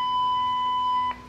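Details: AED in a CPR training demonstration with a simulated victim who has no pulse and no breathing: a steady, high-pitched continuous alert beep lasting about a second, then stopping.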